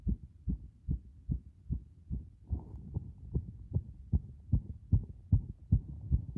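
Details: Heart sounds recorded with pressure against the chest after a bath; regular low thumping heartbeats at a fast rate of about 150 a minute.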